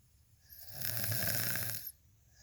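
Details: One drawn-out, rattling snore on a breath in, lasting under two seconds; ordinary snoring.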